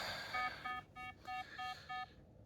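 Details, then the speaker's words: In an adult woman with 22q11.2 deletion syndrome, having a massage for a migraine and in pain, repeated bedside monitor alarm tones sound as her heart rate drops to about 43–47 per minute while oxygen saturation holds at 97; patient monitor alarm. "I got to have it high so I can actually hear the alarms and attend obviously if oxygen saturation drops or heart rate spikes."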